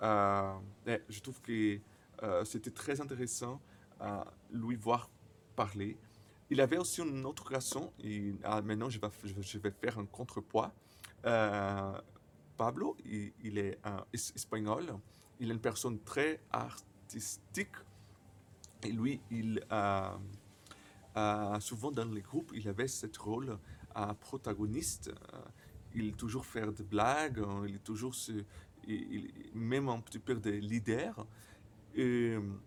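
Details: Stuttering in a 28-year-old Brazilian man speaking French as a second language, who reports frequent silent blocks and at times many repetitions.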